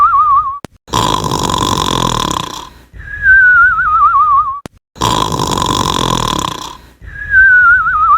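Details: Cartoon snoring in an animated episode: long rasping inhaled snores, each followed by a wavering whistle on the out-breath, repeating about every four seconds; simulated snoring.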